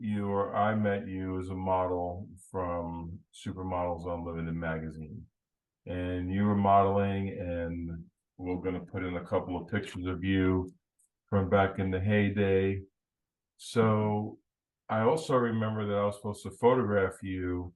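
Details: Adult man speaking; normal speech.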